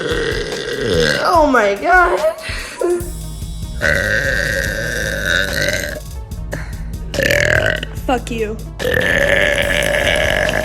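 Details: Girl deliberately burping: several long, loud, rumbling voiced belches with some speech and background music.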